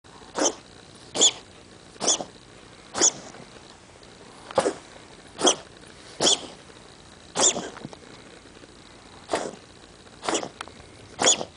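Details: Pet animal coughing: about eleven short, dry, breathy bursts in under twelve seconds, irregularly spaced.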